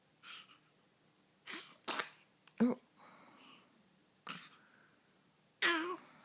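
Several short, sharp, explosive bursts a few seconds apart in a quiet room, a run of sneezes rather than coughs.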